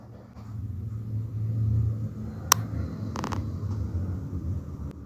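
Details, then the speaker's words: Low-pitched, rumbling, snoring-like continuous breath sound: rhonchi, similar to wheezes but associated with airway secretions, presented as a teaching example of respiratory sounds. "ron cus cómo pueden escuchar es similar a las civil ancias pero existe asociado a secreciones político"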